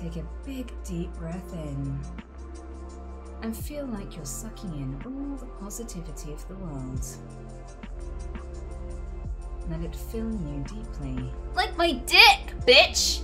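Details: Female with Tourette syndrome during a guided meditation, with real involuntary vocal tics including coprolalia: vocal tics with coprolalia (Tourette syndrome).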